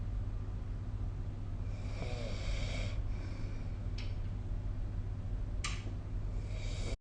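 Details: Snoring during sleep recorded with the SnoreLab phone app: a low, rough snore on an inspiratory breath over steady low room hum.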